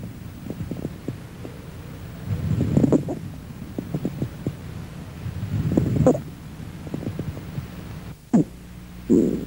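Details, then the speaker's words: Breath sounds with a brief squeaky musical note late in inspiration resembling a squawk, characteristic of allergic alveolitis and interstitial lung disease; squawk. "el gras nido que es fácil de reconocer y característico de estas situaciones es decir que tiene gran valor diagnóstico y repito es fácil de identificar porque remeda perfectamente un gras nido"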